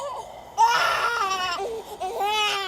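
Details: Newborn baby in his first week home, brief fussing then loud rising and falling cries in a small room while dad tries to console him.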